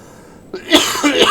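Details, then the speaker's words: Adult still coughing while recovering from a flu that began with a sore throat: cough. "Woke up with a sore throat and I was in bed by the afternoon. Got hit pretty bad with this flu, and then you can hear I'm still coughing."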